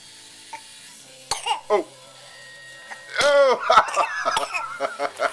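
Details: Baby sneezing into his blueberry, pear and oat food: two quick, small sneezes, then laughter, chatter and kitchen clatter; recorded with a Flip Video camcorder.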